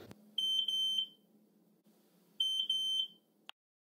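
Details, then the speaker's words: Two bursts of shrill, high-pitched repeated beeps from a medical device alarm, the unpleasant kind of hospital alarm that adds to nurses' anxiety and alarm fatigue. "but not only are there too many alarms they also sound very unpleasant some devices produce high-pitched beeps which cause anxieties to"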